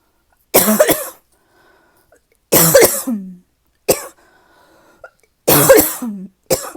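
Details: Adult with a cough that is starting to get a little better: four separate dry, tickly, irritative coughs with quiet pauses between them, then a short final burst.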